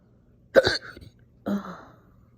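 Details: Slow but very aggressive, painful hiccup-burps after breakfast: two forceful throaty bursts, a sharp hiccup-like catch followed by a longer belch-like release.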